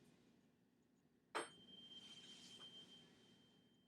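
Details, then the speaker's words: Tuning fork struck and placed on the centre of the head during a Weber test in a cranial nerve health assessment; sharp strike then a fading pure ringing tone, heard equally in both ears. "the first one is the Weber test so I'm gonna put this on the center of your head and you tell me where you hear the noise best if one ear is better than the other"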